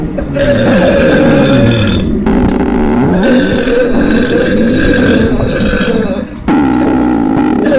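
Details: Belching: three long, loud, drawn-out burps in succession with short breaks; no distinct stomach gurgling despite caption of stomach sounds and farting.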